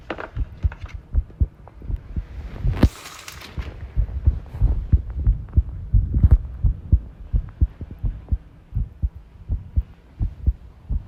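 Heartbeat about 87 a minute with uneven spacing between beats, an irregular rhythm, and a burst of rattling room noise.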